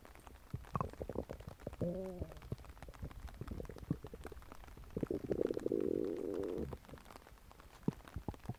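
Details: Stomach grumbling recording: quiet gurgling and bubbling with a brief tonal squeak and a longer low rumbling growl, over soft crackly handling noise; ordinary bowel sounds.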